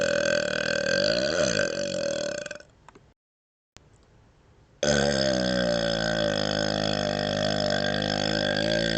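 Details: Two long, loud rumbling burps separated by a brief silence, while wiggling and licking the tongue outside the mouth: burping.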